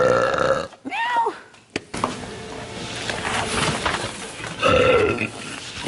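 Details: Woman with an upset stomach, nauseous: several loud, drawn-out voiced belches with short pauses between, over faint background music; repeated belching.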